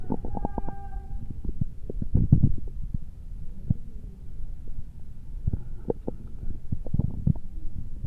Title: Stomach and heartbeat sound 1